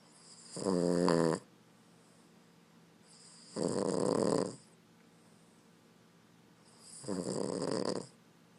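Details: Boston Terrier asleep giving three loud, rattling, rumbling snores, each under a second, separated by quiet pauses of about two seconds; loud snoring.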